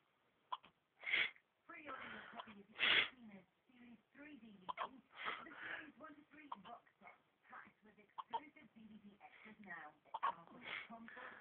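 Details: Baby, possibly just waking up, with a bad case of hiccups: repeated short, sharp breathing catches, about 30 per minute, mixed with small vocal sounds.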